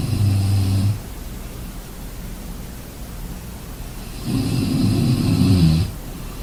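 Low, rattling snores on the in-breath, two in about six seconds, over steady background hiss: ordinary snoring.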